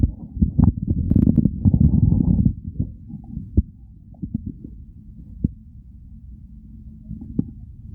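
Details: Real stomach growls recorded during hunger, part of a hunger-to-overfull digestive recording; low gurgling and rumbling with scattered pops and squeaks; bowel sounds (borborygmi).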